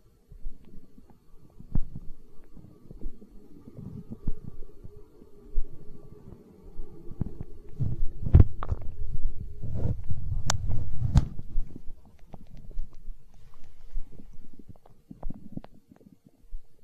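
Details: Stomach growling (borborygmi), hunger sounds from an ASMR recording: low, irregular gurgling and rumbling with a few sharper pops, strongest mid-recording.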